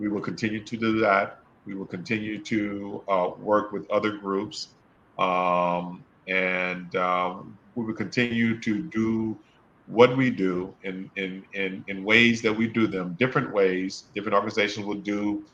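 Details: Adult male who stutters; he says his stutter was extremely severe in college and that he will never be fluent; stuttering.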